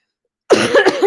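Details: Short burst of harsh coughing from an adult with COVID-19, about two weeks into illness, no wet rattle; earlier productive cough (treated with Mucinex, Tylenol) now no longer productive: dry cough.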